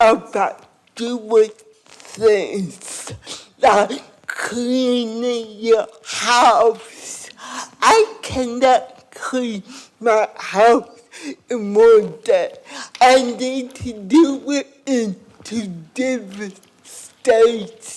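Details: Adult woman with cerebral palsy and lifelong speech impairment since childhood, first speaking at age four; dysarthria (cerebral palsy).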